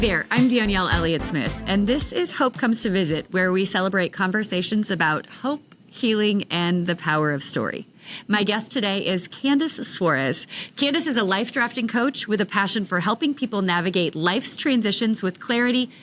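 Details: Adult woman; Typical speech.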